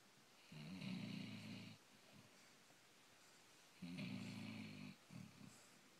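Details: A sleeping dog snoring after a puppy slumber party: two long, rattling low snores about three seconds apart, each followed by a softer breath.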